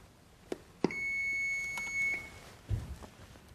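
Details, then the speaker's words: AED powering on during a CPR training demonstration on elderly emergencies: a couple of clicks, then a steady electronic beep lasting over a second. The device is switched on as soon as it arrives, while CPR continues. AED power-on beep. "심폐 소생술을 계속 시행 하고 있다가 자동제세동기 가 도착하면 바로 사용을 해 줍니다 첫 번째 전원을 켭니다"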